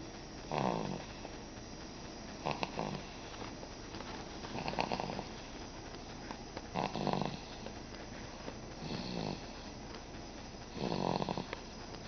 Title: snoring at 4 months old!